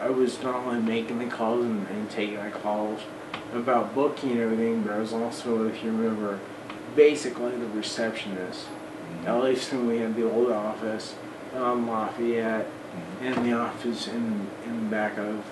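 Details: Man of about 40 with Friedreich's ataxia who uses an electric wheelchair; he says his voice is much worse than before and talking is more of a struggle; ataxic dysarthria (Friedreich's ataxia).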